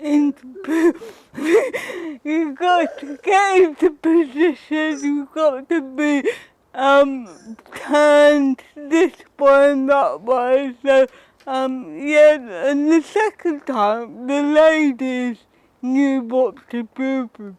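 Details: Woman with cerebral palsy who says her speech is often not understood; dysarthria (cerebral palsy).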